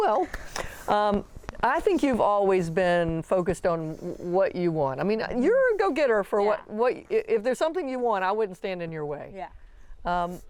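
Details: Adult woman; typical speech.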